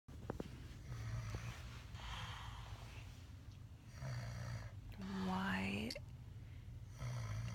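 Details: Adult man snoring heavily for at least 45 minutes: low rumbling snores with breaths, one ending in a rising groan-like sound, over steady room noise.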